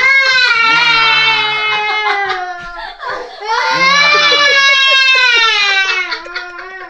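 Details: Young girl crying from fright after her uncle jokingly scares her with a face mask pack on, giving loud, sustained, high-pitched wailing broken by a sobbing breath.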